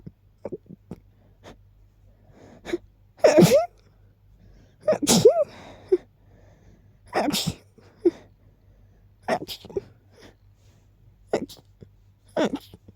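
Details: Several forceful sneezes, each after a short catching build-up breath, with quiet sniffs between; very rapid sneezing after smelling a friend's lilies and keeping them nearby.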